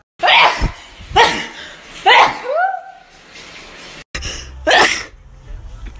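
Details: Compilation of four sharp, voiced sneezes from adult women, each a sudden explosive burst with quick fade; at least one preceded by sniffles.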